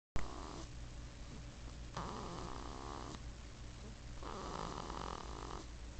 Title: Baby Snores 2